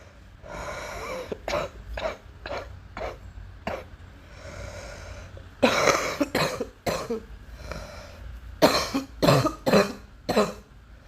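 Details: Persistent cough: about a dozen repeated harsh coughs in clusters, with noisy breaths drawn in between bouts.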